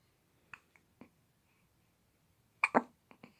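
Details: Infant hiccups: small abrupt catches, then a louder double hiccup with a brief vocal sound.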